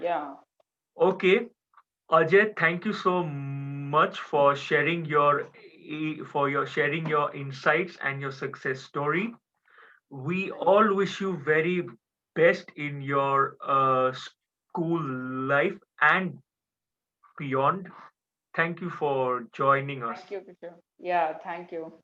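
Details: Adult male speaker; typical speech.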